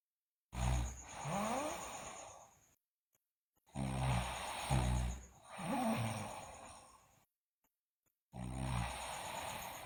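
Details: Sleeping girl loudly snoring: three long, rough snores on inhalation separated by pauses, with faint background noise: heavy snoring.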